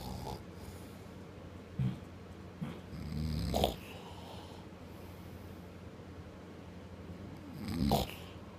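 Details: Dog snoring, recorded in summer 2014: low rumbling, snorting breaths every few seconds against steady room noise.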